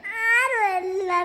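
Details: A young child gives a sustained, wavering high-pitched cry in a small room while being scolded by the mother over a thrown pencil; crying.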